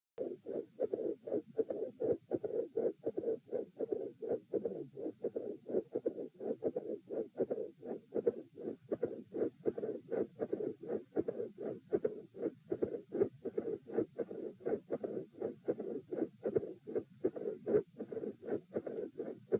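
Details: Repeat heart-sound stress test at position E: lying, sitting, standing, then lying again, heart rate 84-96-114-78 bpm; midsystolic murmur with click and fixed split S2.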